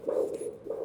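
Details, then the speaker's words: Handheld Doppler over the brachial artery at 40–60 degrees with gel, during ankle-brachial index measurement with an arm cuff: rhythmic whooshing swells, about two in under a second; pulsatile arterial Doppler signal. "Posicione o Doppler com um ângulo de 40 a 60 graus, apontado para cima. Movimente o aparelho lentamente para selecionar a área com melhor sinal."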